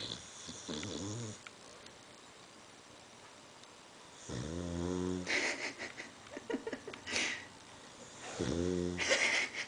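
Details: Irregular snorting, whistling breaths with nasal snuffles during sleep; snoring.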